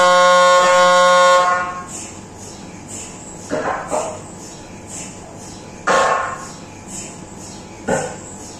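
A loud steady buzzing tone, then repeated hollow knocking and thumping bursts of an MRI scanner running, heard from inside the scan room.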